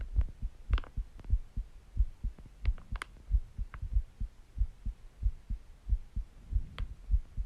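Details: Steady, deep lub-dub heartbeat at about 92 beats per minute with faint background clicks; a normal heartbeat, recorded together with breathing sounds.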